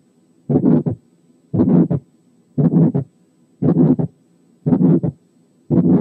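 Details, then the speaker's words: Pulmonary hypertension: functional ejection systolic murmur with an ejection click, closely split second sound and a markedly accentuated pulmonary component, regular rhythm about 58/min. "وفي الحاله دي بيكون مع المرمر في ايجكشن كليك، والسكند ساوند بيكون كلوزلي سبليت، والسكند كومبوننت بتاعته اللي هي البالمونري كومبوننت بتكون فيري اكسنتويتد زي المثال الاتي."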